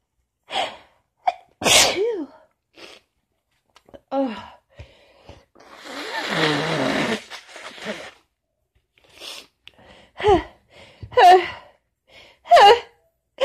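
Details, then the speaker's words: Adult with cold remnants plus allergies, hoarse voice and persistent nasal tickle, having a strong sneezing fit: forceful sneezes in rapid series with sharp gasping breaths between. "It does feel good to get them out, and there is still quite a tickle though. Oh, fucking sneezing fits."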